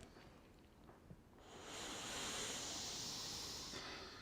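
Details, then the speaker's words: Rescue breath through a pocket mask into a CPR training mannequin, one of two breaths between cycles of 30 compressions: soft breathy rush of air lasting about two seconds, chest rises and falls. "so two breaths there's one breath notice you see chest rise and fall we're looking to see the chest"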